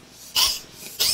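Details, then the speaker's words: Pet at a distance in a quiet room on a warm, humid day gives two short, dry, hissing cough bursts, described as an "old man cough"; it often coughs. "Charlie's on the floor coughing he's doing a he's doing the old man cough down there going aren't you"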